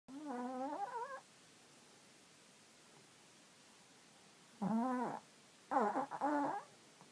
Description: Pogue, chihuahua jack Russell cross, snoring like a deflated balloon.